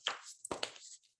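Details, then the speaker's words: A few sharp, quick pops in close succession, typical of cracking finger knuckles, illustrating the popping sound in the joints that patients with rheumatoid arthritis report. "Những bệnh nhân này họ luôn có âm thanh nghe như lốp bốp trong khớp,..một cái gì đó như nghe như thế"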